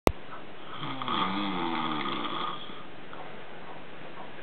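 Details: One long, rough, rattling snore on an in-breath, followed by quiet breathing; ordinary snoring during sleep.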